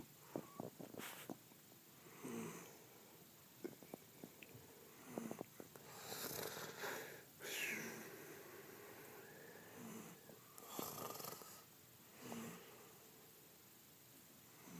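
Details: Sleeping person snoring: irregular noisy snorting breaths, some with sharp snorts and whistling, separated by pauses; loud snoring.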